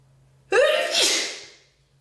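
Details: Sneeze with a cold: a single loud sneeze, a brief voiced intake sweeping into a sharp hissing burst that fades over about a second.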